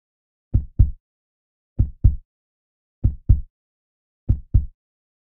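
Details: Strong, steady heartbeat with clear paired lub-dub thumps at about 48 beats a minute.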